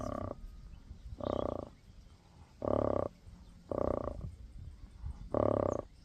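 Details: A sleeping dog snoring: regular, rattling, croak-like snores, about 45 per minute, over quiet room noise.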